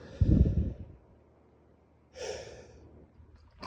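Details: Male during a late-night bedtime sneezing fit gives two loud, rough, breathy bursts through nose and mouth, like a heavy snort then a sigh; noisy breathing.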